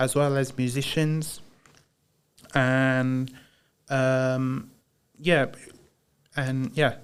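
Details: Broca's (non-fluent) aphasia in a man after a haemorrhagic stroke in 2010 while playing high school rugby, recorded about 15 years later; he says he knows what he wants to say but struggles to get it out.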